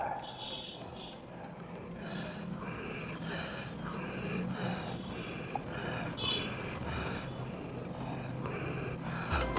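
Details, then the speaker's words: Breathless patient with cough, worse in cold weather, and chest burning on coughing; clinician asks for deep breaths. Repeated deep mouth breaths carry a hissing, whistling wheeze in a noisy room. "ठीक, मुंह से सांस ले रहे हो तो आवाज आ, मतलब इसमें साए साए की आवाज आ रही है आपको? हाँ हाँ, साए साए की आवाज आ रही है ना?"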